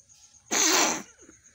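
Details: A person sneezes early in the morning (about 6:30) while feeling unwell, with a tingling nose, during a nose-blowing video. There is a single explosive, hissing sneeze in a quiet room.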